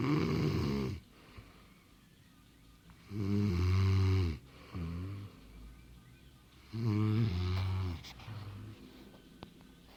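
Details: A woman in bed: loud, rattling, buzzy snores on each breath about four seconds apart, with quieter gaps in a quiet room; snoring.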